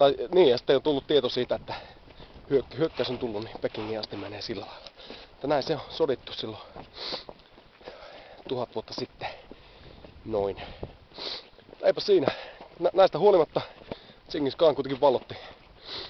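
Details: Adult man who stammers, speaking Finnish; stuttering.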